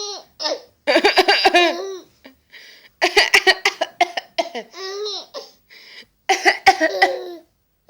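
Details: Several short, sharp, deliberately imitated coughs from an adult, each followed by a young child's bursts of high-pitched laughter.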